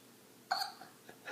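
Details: A single sharp, abrupt voiced hiccup from a young boy, a sudden 'hic' with a quick fade.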